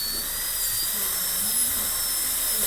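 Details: Steady high-pitched whine of a high-speed dental handpiece cutting a maxillary premolar class II preparation during a dentistry training class, with room hum underneath.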